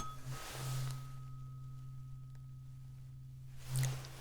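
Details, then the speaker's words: Simulated neurological exam in an ASMR medical roleplay for suspected multiple sclerosis: a low steady humming tuning fork fades, then is struck again, testing vibration sense; tuning fork (vibration sense test). "does that feel? Mhm. Okay. So, you can feel the vibrations."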